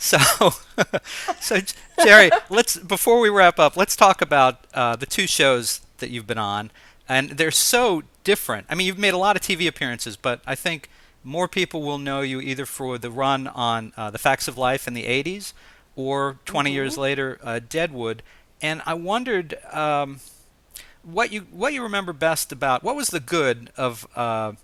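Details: Adult male; typical speech.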